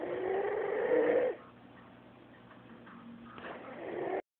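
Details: Snoring: a loud, rough, vibrating inhalation snore, then quiet breathing and the start of another snore.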